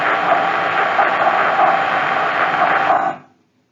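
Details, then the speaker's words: Microelectrode recording during deep brain stimulation surgery for movement disorders: crackly static with repeated brief squeaky bursts from a burster cell in the external globus pallidus, with slow interburst frequency of 1–10 Hz and high intraburst frequency of 50 up to 300 Hz. "the burster cell is the other structures that's found that has an inter burst frequency that's generally slow of 1 to 10 htz but it has a high intra burst frequency 50 and it can go up to 300 Hertz the audio characteristics are [Applause]"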